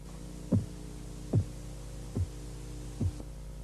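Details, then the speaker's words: Korotkoff phase 4 during blood pressure measurement: regular soft, low, muffled thumps at about 72 a minute over a steady hum, the tapping dropping in pitch and turning dull; phase 4 is the accepted diastolic reading in children. "Durante la fase Korotkov 4, el sonido de los golpeteos baja de tono y el sonido se amortigua. Korotkov 4 es la medición diastólica aceptada en niños."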